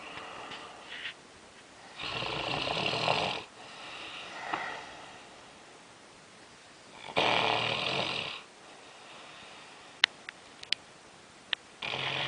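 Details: Snoring at 3am during sleep, described as sleep apnea: rough, rattling breaths repeating slowly about every five seconds, with quiet gaps and a few clicks.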